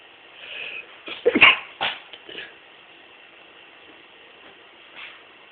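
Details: Person deliberately making themselves sneeze many times in a row: two or three short, sharp sneeze bursts close together, with quiet, muffled room sound between them; repeated induced sneezing.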